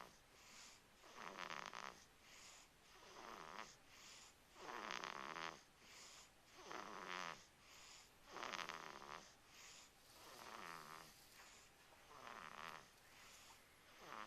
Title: Baby Snoring